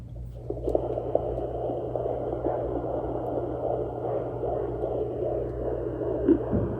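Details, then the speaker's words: Fetal heartbeat on a Sonoline B handheld Doppler, applied over the pregnant abdomen with aloe as gel: rapid, rhythmic whooshing pulses over a steady electronic hum, like a galloping horse. "now, this is the baby's heartbeat. This is the baby's heartbeat, guys. Sounds like horses. Sounds like horses. It sounds like a horse galloping."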